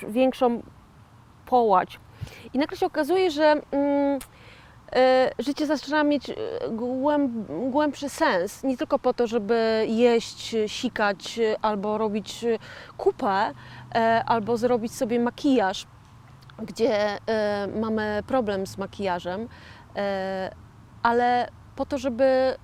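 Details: Post-stroke aphasia in a 41-year-old woman, real (not acted), who had a stroke in 2009 and calls herself a stroke survivor and an "aphasian"; finding: aphasia.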